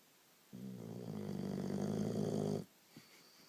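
A single loud, rattling snore lasting about two seconds, with a low buzzing flutter throughout, in a quiet room.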